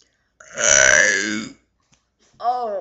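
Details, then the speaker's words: Deliberate burping by someone who can burp sentences: a long, loud voiced belch of about a second, then a shorter second belch. "um yeah that's me burping I can burp sentences if you want want me to like see I can burn people think it's gross but I actually have friends that actually think it's awesome"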